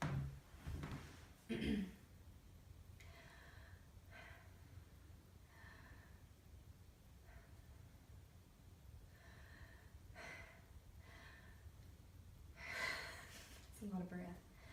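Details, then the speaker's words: Female patient breathing normally for a respiratory rate count during a chest and lung assessment; soft, even mouth breaths with no wheeze or added sounds; normal rate and rhythm (12–20 expected). "Just breathe normal for me. I'm going to count her respirations. They should be between 12 and 20 in a normal rhythm."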